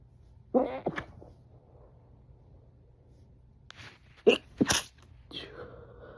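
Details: Person alone at home stifling sneezes, several suppressed sneezes recorded hours apart in different rooms and stitched together: short muffled bursts with closed-mouth snorts, held back rather than released.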